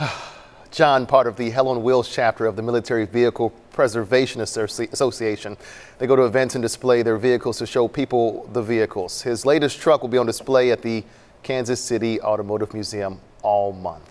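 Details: Adult male news anchor; Normal fluent speech.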